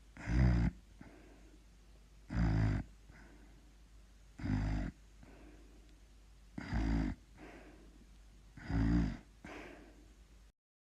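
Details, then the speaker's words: Simulated snoring from an animation: rhythmic rough, low inward snore then softer breathy outward breath, about two snores every five seconds. "um yes she is snoring let's get out of here right now"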